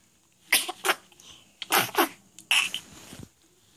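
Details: Dog sneezing three times in quick succession, each a sharp, hissing nasal burst; sneeze.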